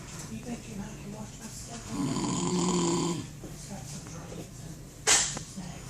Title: snoring